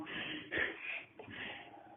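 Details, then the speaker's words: Child with hiccups after whistling: a sudden, sharp catch of breath against quiet room noise, then a fainter second catch; whistling doesn't stop them. "Do you have the hiccups? Wow, who taught you that? I just have them."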